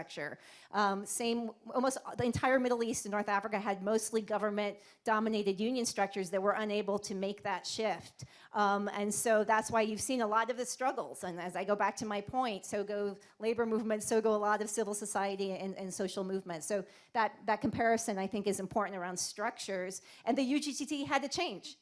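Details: Adult woman speaking; normal voice.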